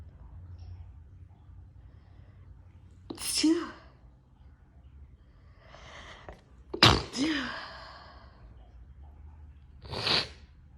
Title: Sneezing on my couch